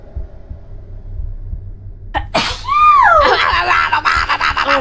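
A single adult sneeze: a sharp burst ending in a high, falling voiced cry, after a quiet pause.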